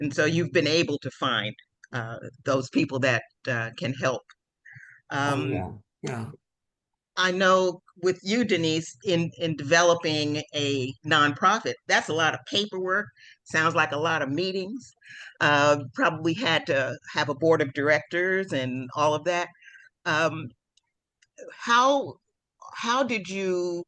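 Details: Adult woman speaking; normal speech.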